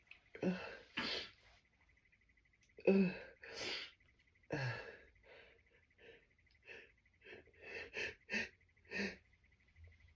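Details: Adult with worsening tree pollen allergy trying to hold back sneezes too strong to stifle: a run of about a dozen sneezes, several muffled and held back, with a few big open helpless bursts.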